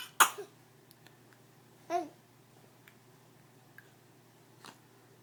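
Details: A cough followed by a yawn; cough.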